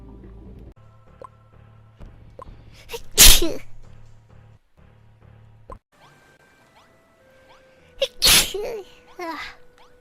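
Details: Two loud, explosive sneezes, each a sharp burst of air a few seconds apart, over quiet background music, during a live stream: sneezes.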